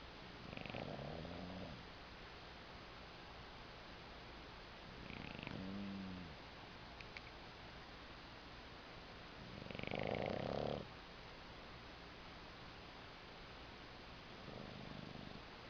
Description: my bulldog is a dog that likes to sleep allday and snore..